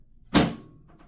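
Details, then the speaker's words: Chiropractic drop table piece releasing during a knee adjustment directed lateral to medial, then from inferior; the drop piece takes the pressure off so the patient feels nothing. "and that's all it was now the patient doesn't feel anything because I use that instead of going when I say that I mean the draw piece I let that take the pressure off"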